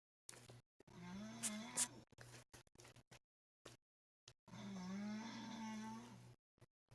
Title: The sound of bad snoring